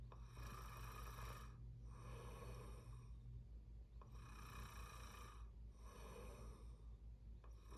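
Rattling, buzzing snores on both breathing in and out, in repeated cycles of roughly two seconds; typical loud snoring.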